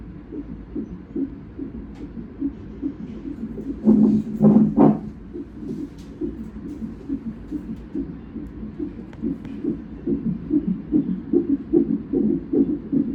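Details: Fetal heartbeat on Doppler during a non-stress test at 37 weeks of twin pregnancy: fast, rhythmic whooshing pulses about 150 per minute with a brief louder scrape midway as the baby moves; normal.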